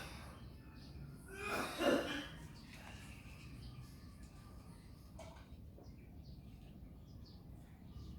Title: coughing behind the scenes